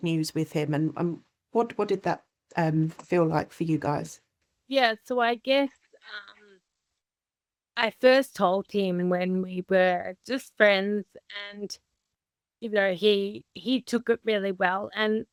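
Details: Adult woman with Friedreich's ataxia, a rare inherited progressive condition damaging nerves and muscles, diagnosed at 17, with unsteady walking; ataxic dysarthria (slow speech).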